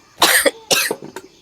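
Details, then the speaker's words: Person with severe cough after recovering from fever, interrupting speech; cough. "പനിയൊന്ന് മാറിയപ്പോൾ ചുമയാണ് കേട്ടോ അപ്പൊ ഇടക്കിടക്ക് നിർത്തി നിർത്തി സംസാരിക്കണം അപ്പോഴേ ശരിയാവുകയുള്ളൂ ഭയങ്കര ചുമയാണ് ഇപ്പൊ ഉള്ളത്"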